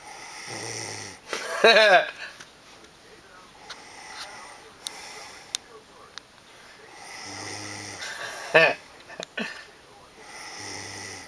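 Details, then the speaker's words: An adult sleeping beside a cat snores loudly and habitually; low buzzing snores come with some breaths, with the cat's brief high meow-like sounds and quiet room noise between. "Okay, I just want you to see this and hear the amount you're snoring so that you know I'm not an asshole."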